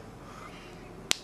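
One sharp, crisp pop against quiet room noise, the typical crack of a finger joint being cracked.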